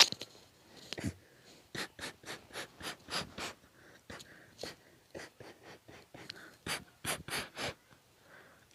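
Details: Sneezing fit: a rapid run of short, sharp, hissy bursts, many quick sneezes in a row.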